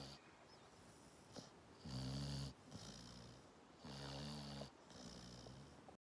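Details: Springer spaniel dog sound asleep and snoring, with a rumbling buzz on each breath in and quieter breaths between.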